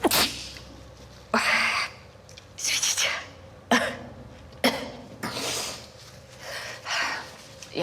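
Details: Acted sneezing in a Russian TV drama scene: repeated sharp, explosive sneezes with breathy intakes between them.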